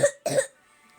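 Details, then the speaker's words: Two harsh, tight cough bursts with a hoarse, slightly barky edge, from a young girl with an illness that was improving but has worsened; cough. "She's like knocked out coughing like that though."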